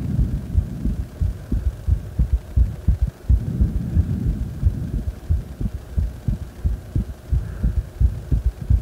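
Deep, steady heartbeat thumps at about 88 beats a minute, recorded lying down after exercise. A normal heartbeat.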